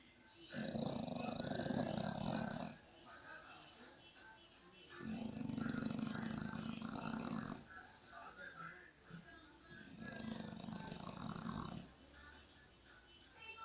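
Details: Snoring: three long, rattling snores, each about two seconds, separated by quieter breathing.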